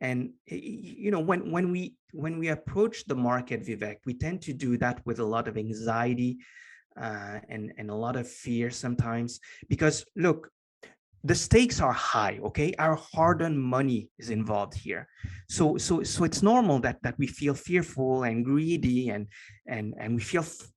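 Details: Lifelong stuttering in an adult male, present since earliest memory and formerly severe enough to prevent coherent sentences; years of meditation practice have given him more control, so the stutter is now barely audible.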